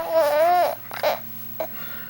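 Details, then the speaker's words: Infant fussy crying: one drawn-out, wavering cry, then a few short whimpers in a quiet room. "Oh. Oh, you're so sad. Oh my goodness. What's wrong with the baby? What happened? What? Are you hungry? Are you hungry?"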